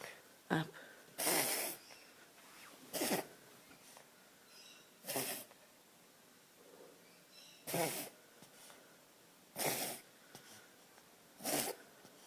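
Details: A dog (female) makes repeated harsh snorting inhalations, a reverse sneeze followed by a gag cough; most likely pharyngeal inflammation, with allergy suspected as the cause.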